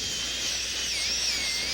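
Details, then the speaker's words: Continuous high-pitched whine dipping slightly under load: high-speed dental handpiece with a W1M diamond reducing the lingual cusp of a maxillary second premolar for a porcelain-fused-to-gold veneer. "to reduce that lingual cusp a little bit more we're going to switch to a w1m diamond to reduce that slightly"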